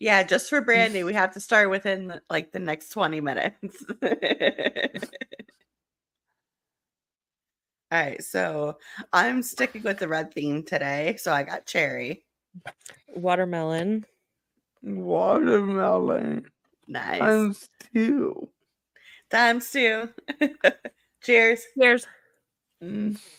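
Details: Adult woman speaking; typical speech.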